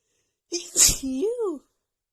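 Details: A single sharp sneeze with a voiced catch, recorded in the morning during a rapid sneezing attack from seasonal allergies flaring just before spring.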